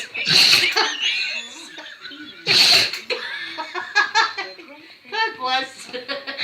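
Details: Dog Charlie has a sneezing fit while excitedly greeting a family member returning home from work, with repeated sneezes amid the greeting; sneezing.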